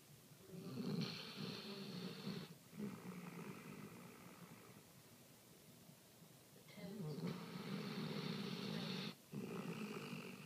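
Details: Male sleeper snoring, a trait said to be inherited from the recorder: two long, rough, rattling breaths in, each followed by a softer breath out, in a quiet room.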